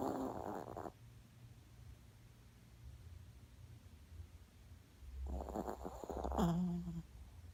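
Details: 5-year-old Yorkshire Terrier dog's "thunder snore": two rumbling, vibrating snores separated by a pause, over a low room hum.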